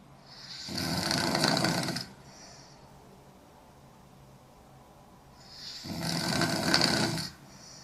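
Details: Young woman snoring hard while asleep: two long, loud, rattling snores on breathing in, separated by a quiet pause of about four seconds; heavy snoring.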